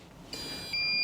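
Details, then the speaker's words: Sharp high-pitched electronic beeps from an intensive care infusion pump, alarming because it has not been started; infusion pump alarm. "that's a typical alarm that's because I haven't pressed go that's another alarm that's because it's open"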